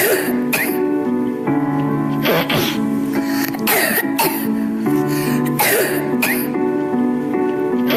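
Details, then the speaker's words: Several loud, honking coughs with throat clearing over steady background music: a barking or honking cough suggesting a somatic cough, though not diagnostic. "now let us return barking cough or honking cough that would be indicating a somatic cough although it is not diagnostic but it is"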